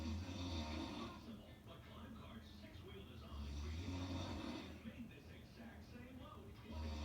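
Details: Snoring: low rumbling, rattling breaths rising and falling in slow cycles, with television or talk in the background.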